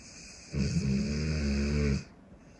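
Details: Large Cane Corso dog asleep, snoring: one long, loud, deep buzzing snore of about 1.5 seconds against faint room noise.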